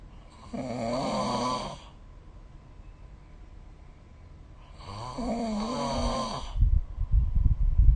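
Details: Two loud, rough, rattling inhaled snores about four seconds apart, recorded with the SnoreLab app, with quiet pauses between and some rustling at the end; snoring.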